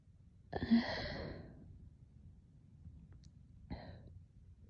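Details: Person terribly allergic to cats, woke after a cat slept on their pillow with burning face, swollen eyes and running nose: forceful sneeze with drawn-out breathy release, then a shorter second sneeze; allergic sneezing.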